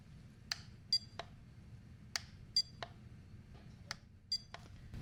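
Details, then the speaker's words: Simulated ASMR annual-exam roleplay beep hearing test on both ears, listener counting beeps and naming side: short high-pitched beeps and clicks in small groups, quiet room. "hearing test, but this time it's going to be a beep test. So when you hear the beep, tell me how many times you hear the beep, okay?"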